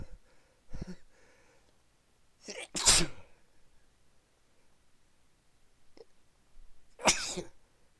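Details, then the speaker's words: Person who has been sneezing all day: two loud sneezes a few seconds apart, each with a short lead-in breath, in a quiet room; repeated sneezing. "Oh man, I can't stop sneezing."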